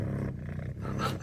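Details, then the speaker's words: Chubby, fattest household cat purring loudly before a bath: a steady, low, continuous rumbling purr; cat purring. "这个鼾声啊，啾啾，要洗澡了哟，啾"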